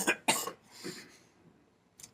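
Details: Adult with lung congestion, improving, possible lung infection: two sharp, harsh coughs in quick succession, then a softer third and a brief faint burst, in a quiet room.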